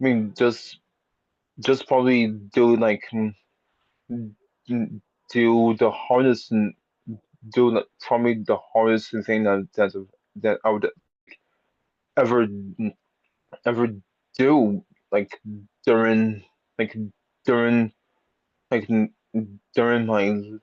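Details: Speech-language pathologist who has stuttered lifelong, with repetitions; stuttering.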